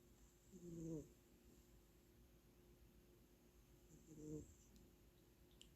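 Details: Two soft, low snoring breaths about three seconds apart from a sleeping cat, over faint room noise; snoring.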